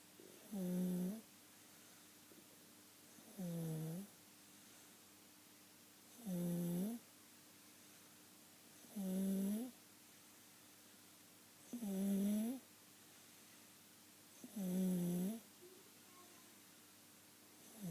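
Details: A sleeping child with continual inspiratory stridor: a harsh, tonal, crowing noise on every breath in, about 21 breaths a minute.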